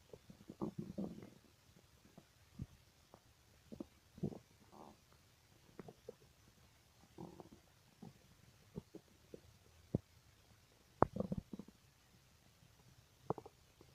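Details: Irregular gurgles, squelches and clicks from the abdomen, described as strange stomach noises; borborygmi (bowel sounds).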